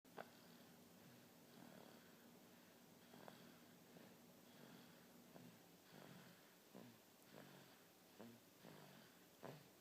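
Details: Light snoring in a 3-month-old baby boy: soft, rhythmic snuffling snores with small snorts, about 7 in ten seconds, over faint room noise.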